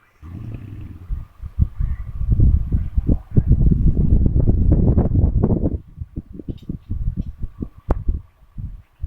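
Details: Loud, low, rattling snore with a fluttering vibration, fading into shorter irregular snorts; snoring.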